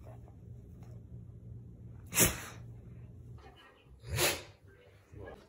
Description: Have you ever wanted to watch a dog sneeze a bunch of times in a row?